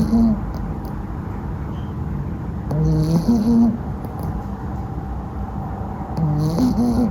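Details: A sleeping female Cavalier puppy snoring: soft, low rhythmic snores, about 18 breaths a minute, with faint room noise.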